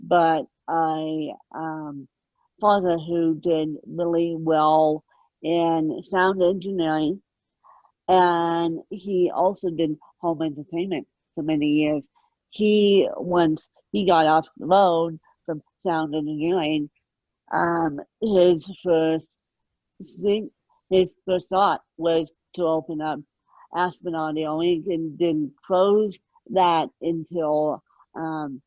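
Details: Ataxic dysarthria in an adult woman with moderate ataxic cerebral palsy present from birth, caused by lack of oxygen at birth, mid-spectrum severity; she needs 24-hour care.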